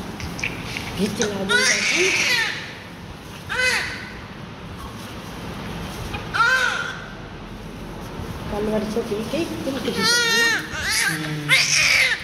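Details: A newborn just after birth, while being cleaned, with an operating theatre mentioned. Short, rising-falling cries in bursts over loud room noise and adult voices.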